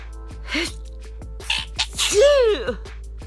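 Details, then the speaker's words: Sneezing during a hot-day heat wave (30 °C), a really bad sneeze that could not be held back: sniffles and catching breaths, then one forceful sneeze with a voiced trailing cry, music in the background. "ah ah this was a really bad sneeze couldn't even put my phone i was gonna sneeze and i couldn't get out of it"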